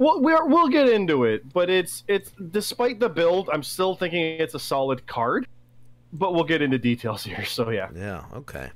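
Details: Adult male speaker; normal voice.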